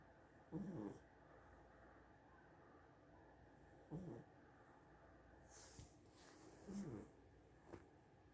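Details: A pet cat asleep: soft, brief snoring sounds about every three seconds in a quiet room, with a faint snort; cat snoring.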